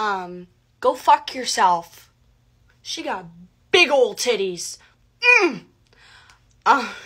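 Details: Vocal tics with coprolalia in a young woman with severe Tourette syndrome, producing involuntary tic phrases while speaking.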